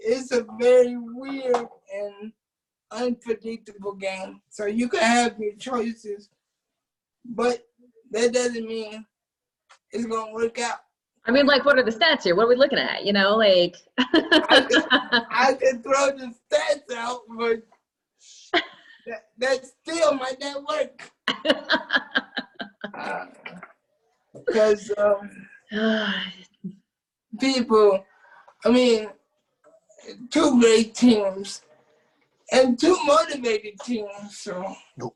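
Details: Adult man with cerebral palsy who uses a wheelchair, whose family was told by doctors at birth that he would not be able to speak; dysarthric speech in cerebral palsy.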